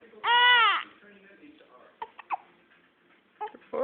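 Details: Baby girl with hiccups, opening her eyes, recorded August 2009: one short, loud wail followed by soft whimpers and small catching sounds, an infant cry.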